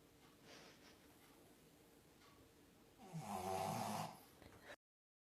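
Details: French bulldog asleep: quiet breathing, then one loud, rattling snorting snore from a flat-faced dog; snoring.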